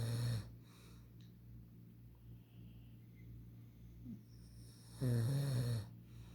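Low rattling snores on breathing in, with a quiet pause between them, in a still room; ordinary adult snoring.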